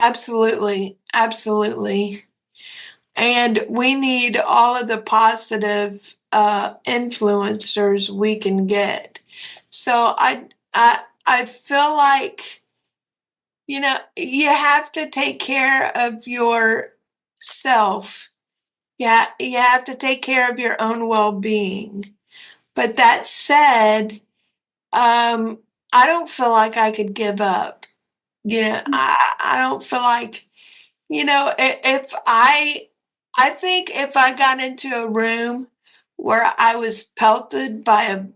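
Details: Dysarthria in a 56-year-old woman with cerebral palsy and quadriplegia; a commenter said she sounded like she was having a stroke.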